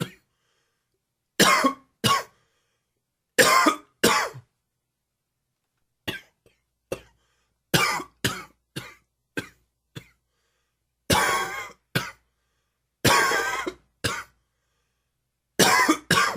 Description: Another little allergy cough for you. Dry and wheezy.